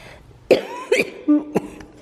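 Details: Several short coughs and throat clearing, with a faint guitar note in a small home recording room, from an adult with cystic fibrosis.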